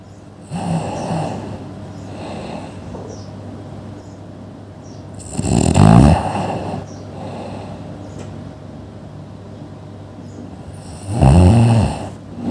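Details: Sleeping person: loud, rough snores on the breaths in, about every six seconds, with quieter breathing between and a steady low hum behind; snoring.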